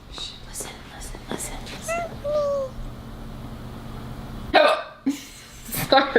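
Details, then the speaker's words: Hiccups that worsen with laughing: several short, sharp catching sounds among soft voices and room noise. "my every time I laugh I hiccup more and it's annoying stop laughing"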